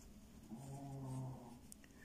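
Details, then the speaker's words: A sleeping pet dog, heard in the background of a crochet tutorial, gives a single low, rumbling snore lasting about a second against quiet room noise: dog snoring. "Bon, si vous entendez ronfler, c'est mon chien."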